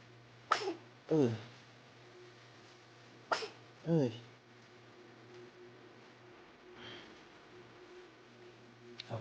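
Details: Baby's hiccups: two pairs of short, abrupt, voiced catches about three seconds apart in a quiet room, a common harmless finding.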